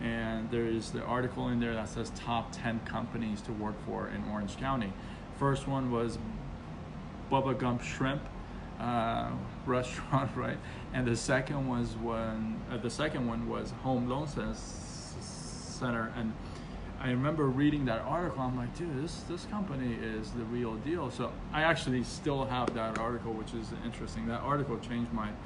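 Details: Stuttering in an adult man, onset around age six, persisting though reduced after speech therapy.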